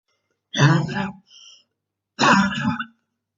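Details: Girl in quarantine with very hard bronchitis: two harsh, throaty coughs with a brief throat-clearing sound between; cough in bronchitis.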